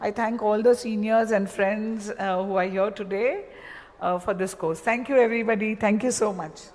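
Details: Adult woman speaking; normal speech.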